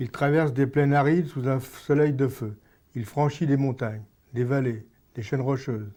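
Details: Adult man with Parkinson's disease for about 6 years, reading aloud in a speech therapy session, with insufficient pauses, running out of breath and speech acceleration; hypokinetic dysarthria.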